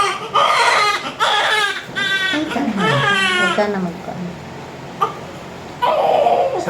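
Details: Newborn girl crying just after a normal, smooth vaginal delivery: loud, repeated high-pitched wailing cries with breaths between, against room chatter.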